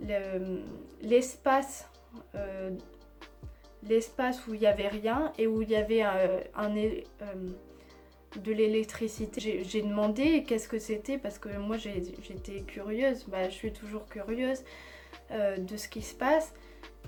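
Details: Woman with aphasia after a stroke, which worsened after a second operation, with speech varying day to day; she also has Tourette syndrome from age 3, surgically treated; finding: aphasia.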